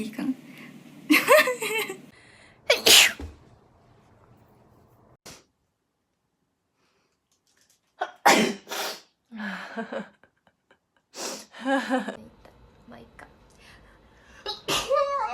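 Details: Several separate sneezes from different Japanese women, each a sharp burst after a quick intake, with brief laughter and talk between; sneezes.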